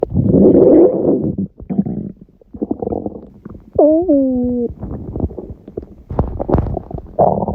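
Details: Loud gurgling, bubbling bowel sounds with a brief squeaky growl, recorded at 1:30 am after waking, six hours after a large udon meal eaten at 19:30; owner suspects stomach reacting to gluten; borborygmi.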